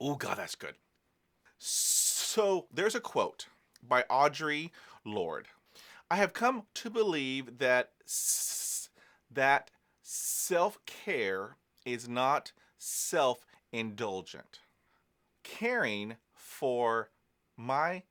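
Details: Adult man who is a person who stutters; he says stress and exhaustion make his stuttering worse; stuttering.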